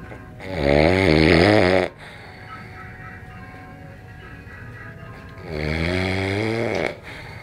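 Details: Napping during a snooze, snoring "like a piglet": two loud, long, rattling snores with a deep buzzing tone, separated by a quieter exhalation; heavy snoring in sleep.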